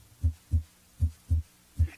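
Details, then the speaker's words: Regular low heart sounds at a normal rate, auscultated at the aortic and pulmonic areas (right and left second interspaces), where S2 is usually louder than S1: normal heart sounds. "the aortic area and also in the pulmonic area s2 is usually louder than s1"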